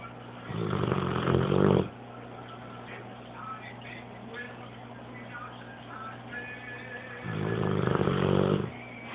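Two long, rough, rumbling breath sounds about six seconds apart, with quiet breathing between them and faint background sounds: a dog snoring.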